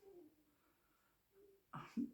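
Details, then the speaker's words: Faint thin whistling wheeze from pet Benji breathing in the background, followed by two louder snorting bursts; wheezing. "Benji is wheezing in the background."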